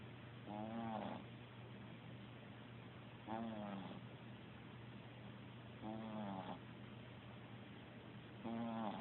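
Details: Sleeping cat recorded on an Android phone: soft, regular snores, one on each breath in, about 23 a minute, over steady background hum; cat snoring.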